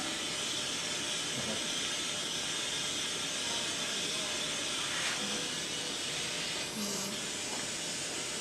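Continuous steady hiss of gas flowing through a neonatal non-invasive ventilator circuit with a heated humidifier, with faint room sounds.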